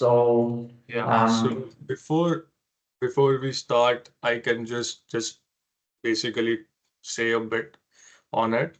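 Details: Adult man who has stammered since early life, persisting into adulthood; stuttering.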